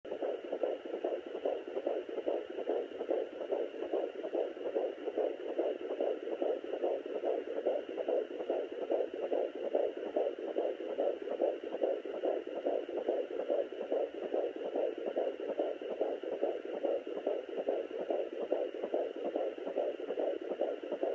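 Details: Fetal heartbeat at 16 weeks of pregnancy on a Sonoline B fetal Doppler: rapid, regular whooshing pulses at about 143 a minute.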